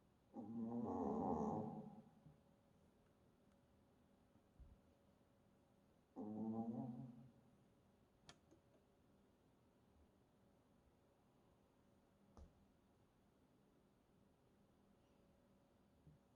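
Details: Sleeping Shih Tzu puppy: two soft, low rumbling snores a few seconds apart with quiet room noise between; ordinary harmless snoring.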